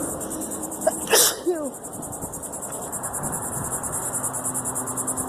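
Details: Sneezing fit, thought to be from allergy season starting, with the nose tickling all day: one sharp sneeze outdoors amid insect chirping; can't stop sneezing.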